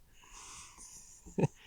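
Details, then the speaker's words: An adult deliberately fakes a sneeze: a faint breathy intake followed by one short, loud burst. "okay all right one more time this is a fake one"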